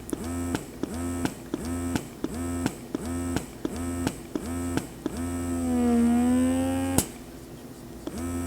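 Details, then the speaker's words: BabyBuddha portable electric breast pump on level 1 (stimulation mode), auto-progressing in strength: rapid rhythmic motor pulses about three cycles a second, each with a rising whine, then a longer sustained strong pull. "So we're gonna go back to turning on the pump, and you can see here on the screen that we're in level 1. There's that strong pull."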